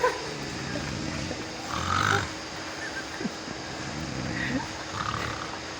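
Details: A pig snores with low, rough rumbles on its breaths against steady background noise.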